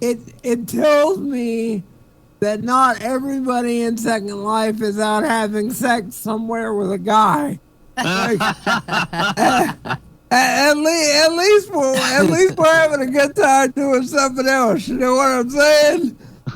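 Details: Male comedian who attributes his speech to cerebral palsy; dysarthria (cerebral palsy).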